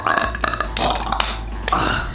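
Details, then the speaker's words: Man's burp compilation edited into one continuous stretch: a long, low, gurgling, rumbling belch with a few sharper bursts. "i feel like i burped probably five minutes straight just like edit all the burps into like one continuous thing of me burping off say something funny"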